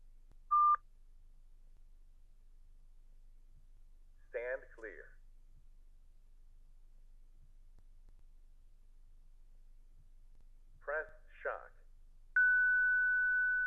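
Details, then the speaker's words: Electronic beeps, brief spoken prompts and a sustained tone from a Zoll Zenix defibrillator/monitor in AED mode guiding a shock and CPR cycles, in a hospital instruction demo on pediatric and neonatal use; AED voice prompts and alert tones. "Selon la configuration, votre Zinix s'allumera en mode DAE et vous guidera tout au long des cycles de RCP."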